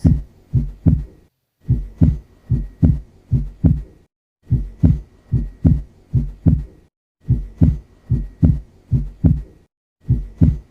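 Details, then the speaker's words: Stethoscope auscultation of regular, low lub-dub heartbeats, clean and without a murmur: normal first and second heart sounds. "So these are the Normal heart sounds which you are"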